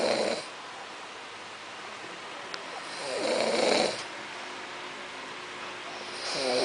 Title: my boo snoring